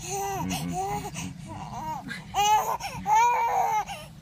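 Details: Loud wailing cry in repeated rising and falling bursts from a baby, with adults in the room urging louder crying for the camera; an ordinary fussy infant cry.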